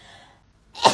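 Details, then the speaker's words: A female sneezes while doing a lateral flow test, as the nasal swab makes her sneeze; a brief quiet pause, then a single sharp, explosive sneeze. "I thought I would film myself doing a lateral flow test just to show you how much it makes me sneeze I hate doing that part one this is gonna make me sneeze okay"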